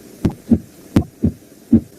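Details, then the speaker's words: Normal heart sounds in a nursing physical-examination auscultation lesson: crisp paired lub-dub beats in a steady rhythm with quiet pauses, normal S1 and S2, no murmur. "jadi ini bunyi normal Ini sekedar anda tahu aja ya biar Anda minimal untuk apa ya tambah pembelajaran kalau anda ada di lapangan nanti anda bisa membedakan mana bunyi normal dan yang tidak ada"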